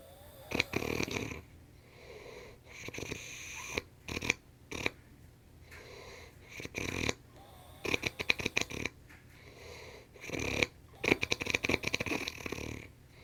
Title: Demonic snoring